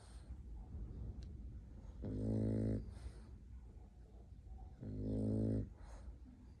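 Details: A sleeping French bulldog puppy gives two low, buzzing snores on the in-breath about three seconds apart, with soft breathing between; snoring from a flat-faced dog.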